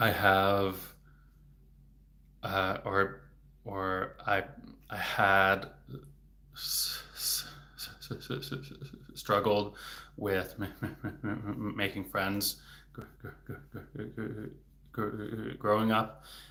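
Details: Adult male who stutters, speaking in a livestream, with word repetitions; stuttering.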